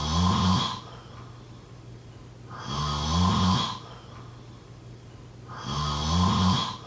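Loud, rumbling snores with each inward breath, about three in seven seconds, roughly 20 breaths a minute: regular snoring during sleep.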